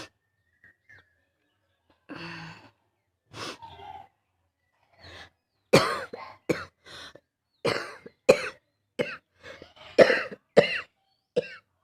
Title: Barky Cough (f)